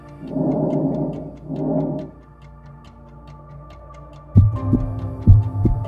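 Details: Simulated heart sounds from a CaRE cardiovascular and respiratory examination training manikin, played through a LimbPAD stethoscope: low thumps in the final seconds over soft background music.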